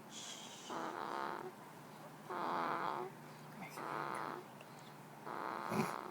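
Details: Two-week-old baby boy snoring in sleep: repeated buzzing, fluttering snores on each breath, about four in six seconds, with quiet pauses between.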